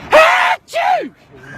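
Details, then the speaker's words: Loud sneezing in public for a funny video: a sharp, loud voiced burst followed by a falling second burst, the in-breath and release of a deliberately loud sneeze. "sneezed oh my God sorry about it guys you sorry you crazy"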